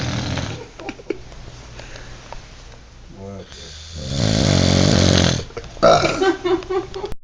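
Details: Loud, rattling snores from a sleeping adult man, with one long harsh snore on inhaling.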